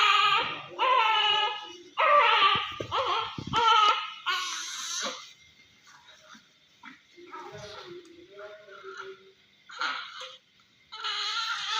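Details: Newborn under NICU observation after C-section delivery: short, strained, whimpering sounds on breathing out, amid crying; expiratory grunting in newborn.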